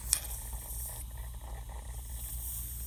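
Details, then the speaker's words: Steady hiss with wet, bubbling squishes as suction draws secretions from a child's tracheostomy during a repeat pass because secretions are still heard; tracheostomy suctioning. "I'm going to keep my finger at six point five I'm gonna do another pass cuz I can still hear lots of secretions"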